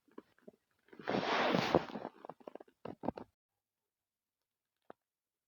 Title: Male stomach growl 87